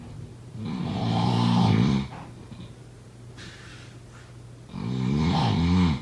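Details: Two loud, rattling snores on breathing in, with a quiet pause between; ordinary snoring.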